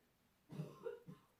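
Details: Two short, dry coughs from an adult woman in the background of a quiet room while she gets ready; cough.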